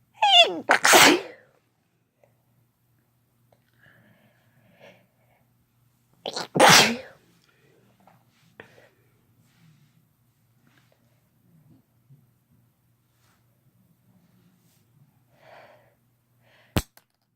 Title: Sneezing with no talking (F+M)